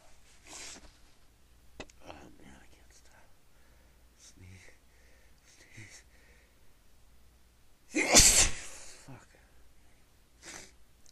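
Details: A woman sneezing: quiet sniffs and muffled sneezes as she tries to stifle them, then one loud, forceful sneeze burst she could not hold back; low room hum.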